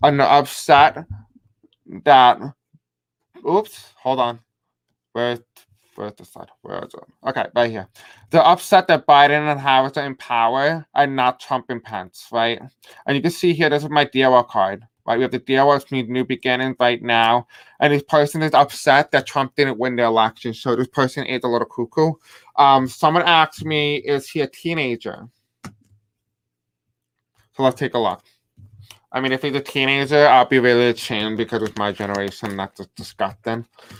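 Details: Adult man with deaf speech, a self-described deaf accent, who says he may have a hard time pronouncing certain words; unscripted live-stream speech; deaf speech (deaf accent).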